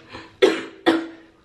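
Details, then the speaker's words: Adult woman with a current illness and a major cough gives two sharp, rough cough bursts, each with a brief hoarse tail. "So right now I'm just dealing with a major cough, and I'm just giving you guys a heads up because if you hear like an unnatural, like,"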